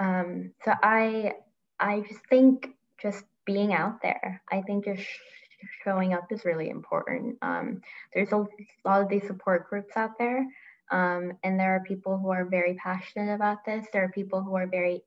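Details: Adult woman panelist who says she still stutters a lot as an adult; stuttering.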